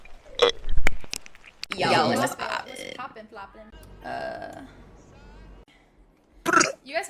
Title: 💫 Good Burping Compilation 4